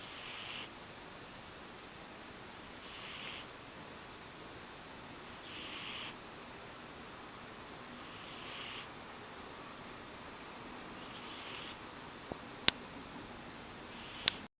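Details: Pet cat snoring during her usual nap: soft, regular hissing snore sounds, roughly 22 breaths a minute.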